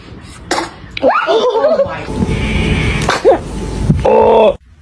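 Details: A toddler sneezing repeatedly: brief sneeze-like bursts amid adults saying "bless you", laughter and music.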